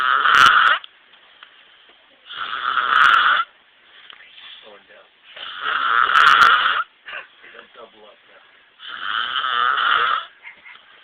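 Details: Man asleep in a trailer snoring loudly enough to be heard outside and keep others awake: harsh, rattling snores about every three seconds, with quieter fluttering exhales between them.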